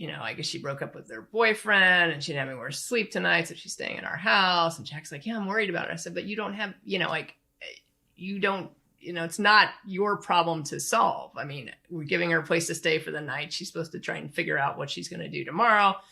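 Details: Adult woman speaking; ordinary speech.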